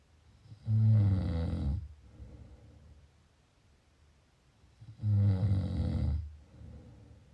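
Two loud, low rattling snores on breathing in, each about a second long, with quiet breathing out between them: snoring during sleep.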